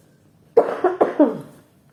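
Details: Mother with a cough and cold, her voice hoarse and frog-like: a run of four quick, voiced, rough coughs; cough.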